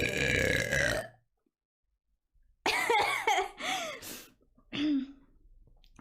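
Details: Twitch streamer girl burp compilation, burping after drinking water: several loud, drawn-out voiced belches in a row with short gaps; repeated burping.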